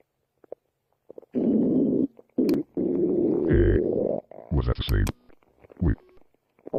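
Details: Stomach growling: long gurgling, groaning rumbles with squeaky rising notes; normal borborygmi.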